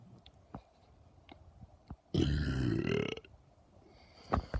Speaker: I thought while I was here I might as well record another video where I burped because people like it a lot